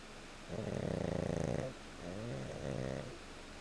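Two low, fluttering snores heard indoors, a long rattling breath and then a shorter one; plain snoring during sleep.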